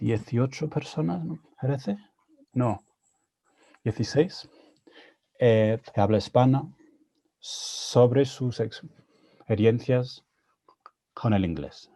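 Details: Adult man with stuttering, speaking Spanish, a second language he learned after moving to Spain at age 22; he reports his stuttering was more severe in Spanish.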